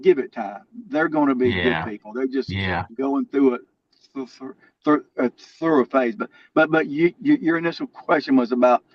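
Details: Lifelong stuttering in an adult man, more severe in childhood and variable now.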